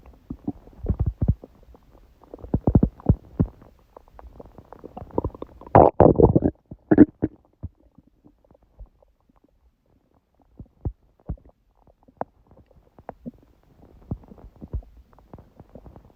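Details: Irregular gurgling and rumbling bowel sounds in bursts with quiet gaps (borborygmi), recorded around 1:30 am after waking, following an overly large udon meal at 19:30; the person suspects the gut was surprised by gluten after a long break.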